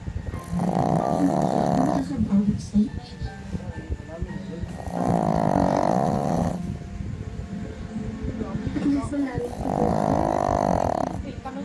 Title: Ang humihilik naming aso si teddy (snoring teddy)